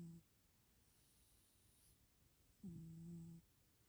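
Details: Sleeping dog's quiet, low, steady humming snores, one cut off at the start and one full snore later: gentle snoring.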